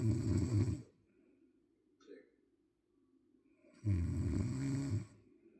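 Two loud, rough, vibrating snores about three seconds apart, with a quiet pause between them.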